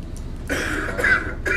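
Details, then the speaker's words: Simulated EMS competition scenario, a male patient with pneumonia and septic shock who is short of breath and given 2 g of an antibiotic; his cough has been getting worse. "he's he's kind of been coughing a little worse here"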